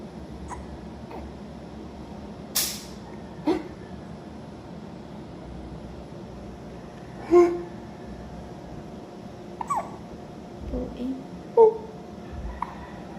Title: Baby hiccups. #babyhiccups # baby #babysmile